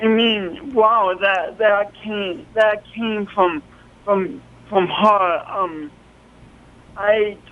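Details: Speech impediment in an adult man, present since an early, traumatic birth with loss of oxygen, along with coordination awkwardness; the impediment is audible to listeners.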